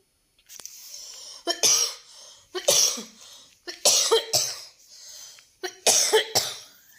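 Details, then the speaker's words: Cough from an adult woman who says she is unwell from a recent illness: about six sharp coughs in clusters, recorded while sewing. "Sorry ignore करा खोकल्याचा आवाज मला बिलकुल बरं वाटत नाहीये"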